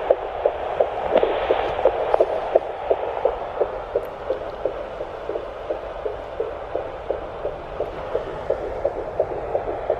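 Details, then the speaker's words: Fetal heartbeat on a home Doppler at 10 weeks of an ICSI/IVF pregnancy, found centrally after earlier left-sided: rapid, regular whooshing at about 170 beats a minute. "I'm not really sure so i will do that so you guys can listen to the baby's heartbeat"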